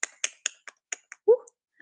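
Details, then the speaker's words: Rapid sharp clicking and tongue-popping sounds ending in a brief voiced squeak from an adult woman with Tourette syndrome (tics since age 5, diagnosed in adulthood) who makes many sounds and out-of-context phrases; vocal tics. "Pues yo hago muchos sonidos, digo frases que son totalmente fuera de contexto."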